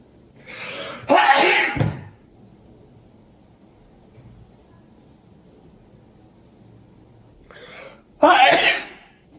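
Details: Two loud, explosive sneezes, each after a short breathy intake, in a quiet room. They came during a big allergy attack of at least 30 sneezes in an hour, in a dusty, cold air-conditioned lab with possible animal hair; the cause is uncertain.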